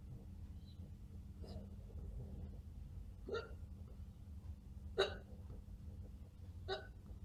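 Four short, sharp hiccup sounds a second or two apart over a steady background hum; possibly faked.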